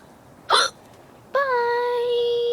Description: Hiccup hiccup hiccup!!!! I'm having a growing spurt